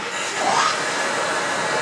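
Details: Steady airflow hiss with a brief rising pressure surge from a Philips Respironics Cough Assist E70 (T70) mechanical insufflator-exsufflator cycling air in and out during parameter setup in auto mode.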